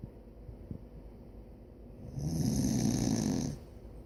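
A single rough, rattling snore of about one and a half seconds after quiet breathing, with faint room noise.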